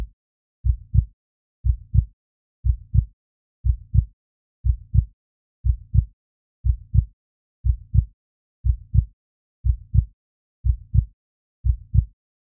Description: Soothing heartbeat sounds for deep relaxation, calm your nerves and fall asleep peacefully.